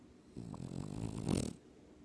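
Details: French Bulldog asleep and dreaming on a person's chest: one deep, rumbling, drawn-out snore rising into a louder snort at the end, man-like loud snoring; ordinary snoring.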